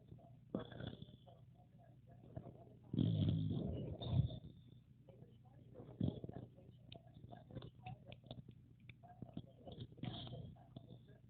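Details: Pocket Bully dog sleeping, with low, uneven snorting and rumbling breath sounds over faint room noise; snoring.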